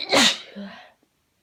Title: Some sneezes, sniffles and a bit of nose blowing (sorry it's short I've got revision to get back to)